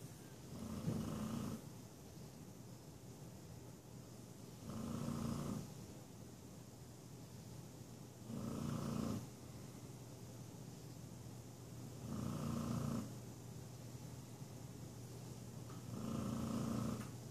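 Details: An adopted rescue dog snores with regular, rumbling snores about every 3.7 seconds, roughly 16 breaths a minute, over a steady low background hum. Snoring.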